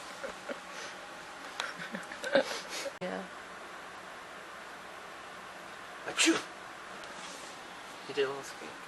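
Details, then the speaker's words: Fake, deliberately simulated human sneezes ("achoo") aimed at a kitten: several short sneeze-like bursts in a quiet room, with faint voice sounds between them. "Try not to sneeze on him because he might get mad and think you are spitting on him."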